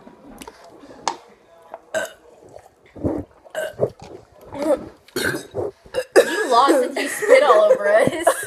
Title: Burping contest